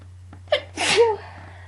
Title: Loud Allergy Sneezes